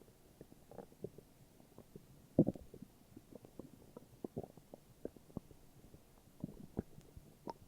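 Quiet gurgles and bubbly rumbles from the belly, with one louder growl; ordinary stomach growling.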